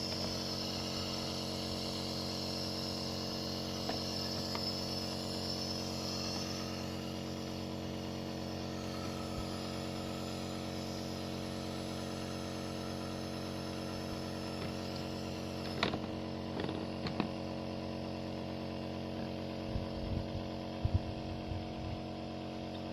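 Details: Nebulizer compressor running to treat a cat with asthma, cough and cold, cat placed in an open container: steady mechanical hum and buzz with a few brief knocks near the end.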